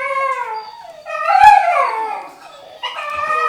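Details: Adult dog in a ward without cages at an RSPCA animal hospital: high, drawn-out whimpers rising into a wavering howl, with a sharp clatter partway through. Dog whimpering and howling.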